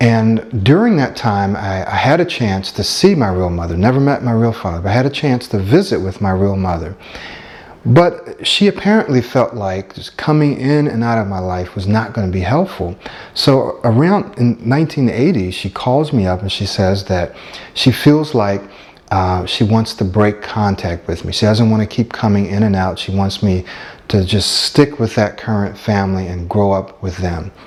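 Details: Adult man speaking; ordinary speech.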